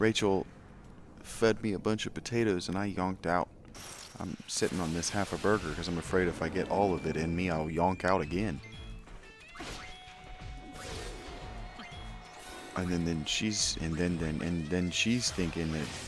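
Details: Male streamer who refers to his own stutter; repetitions in his speech; stuttering.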